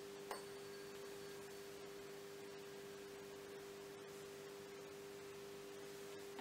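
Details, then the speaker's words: Soft, steady pure tone ringing on after a light strike of a 512 or 256 Hz tuning fork during the Rinne test in a cranial nerve VIII (vestibulocochlear) hearing examination; patient reports hearing it more at the front. "and I'm only going to use either the 5-1-2 or the 2-5-6 tuning fork. So this is a tuning fork, and this feels like this, and sounds like this, alright?"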